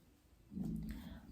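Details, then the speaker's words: Brazilian woman's stomach growling from hunger before eating: a short, low gurgling rumble that rises after a quiet start and fades slowly. "Minha barriga roncando vou tomar café ainda bem passo na papadinha nossa Vocês estão ouvindo minha barriga roncando"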